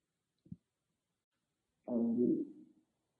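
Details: Stomach growling recorded on an iPhone microphone, not an ASMR mic: a brief low gurgle, then a longer rumbling growl lasting about a second; ordinary borborygmi, a normal bowel sound.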